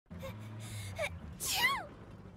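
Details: Sneezing: a sharp in-breath then an explosive, hissing burst with a voiced tail, cartoon-style; one character sneezes often and wipes snot on another, who may sneeze at the same moment at the end.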